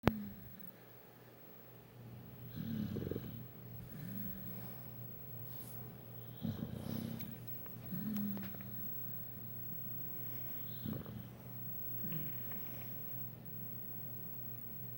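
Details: Dog Dozer snoring while asleep: soft, irregular snoring and snuffling with a steady low hum in the background.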